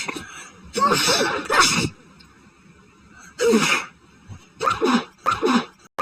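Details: Allergic sneezing fit set off by perfume, which lately makes her sneeze at nearly every scent, with hitching all day: a rapid run of about five sharp sneezes, some preceded by a catching intake.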